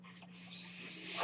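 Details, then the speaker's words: Steady low mechanical hum with a rising airy hiss as a breath is delivered by the speaker's own mechanical ventilator. "My name is. That noise you hear is my ventilator."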